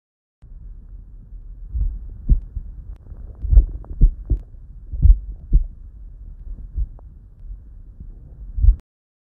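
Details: Normal equine heart sounds in a horse: slow, deep paired heart thumps at about 35 a minute.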